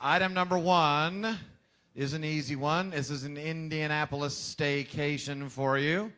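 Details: Adult male speaker; plain speech.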